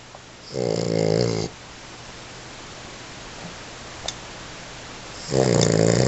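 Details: Sleeping American Bully Pitbull puppy: two loud, rattling snores with a quiet pause between them, in a small room; snoring.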